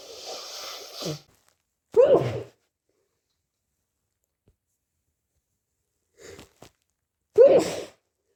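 Two forceful sneezes with brief nasal blowing sounds between them, in a quiet room; an ordinary sneezing fit.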